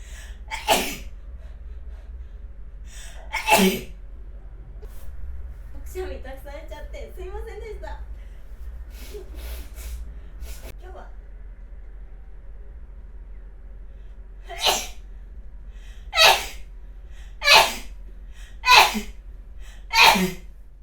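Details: Staged recording made with a model's permission: an adult woman playing a nurse sneezes seven times in sharp, explosive bursts, with a soft vocal sound and a quiet room between sneezes.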